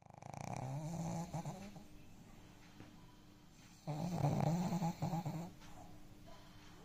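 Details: Sleeping dog snoring loudly: two loud, rattling snore breaths with quieter breathing between them; ordinary snoring.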